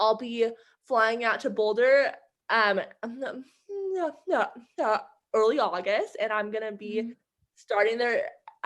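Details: Adult woman who stutters, with repetitions in her speech; stuttering.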